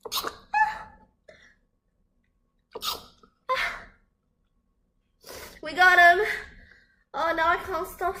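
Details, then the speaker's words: Girl sneezing: several short, sharp sneezes in quick succession, then vocal exclamations in a small room, unable to stop sneezing. "Oh no I can't Stop sneing."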